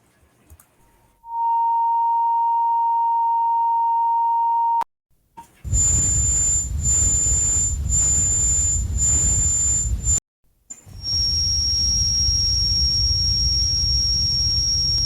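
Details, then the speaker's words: Simulated tinnitus examples played by an audiologist: a steady mid-pitched tone, then a high whistle over pulsing rushing noise, then a high ringing tone over noise. "jadi mungkin ada di antara kita yang tengah menuntun FB lightning yang mungkin pernah dengar bunyi tes atau mungkin ada yang tak pernah jadi kalau ada yang tak pernah in kita beli dengan beberapa contoh bunyi tes"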